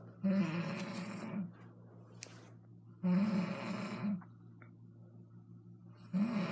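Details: Adult woman (mother) snoring: loud rough snores on each in-breath, about 20 a minute, with quiet pauses between; heavy snoring.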